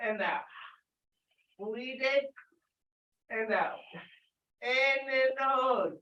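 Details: Adult with cerebral palsy, dysarthria; loud call-out during a live group workout.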